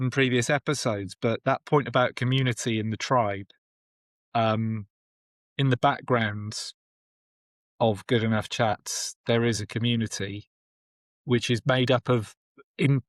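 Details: Adult male speech; normal speech.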